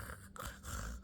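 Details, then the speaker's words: A quiet, brief, wet, rattly, raspy snort from a Brahma house chicken being held and petted, phlegmy at night for two nights, with a mycoplasma respiratory infection under treatment. "So for the last 2 nights, I've heard her at night. She sounds very phlegmy. She sounds very raspy."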